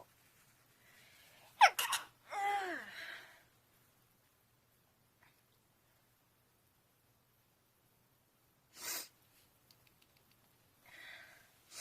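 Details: A sharp burst of a sneeze followed by a voiced gasp and sigh, then a quieter breath sound after a pause: an ordinary sneeze from a woman who says she is not sick.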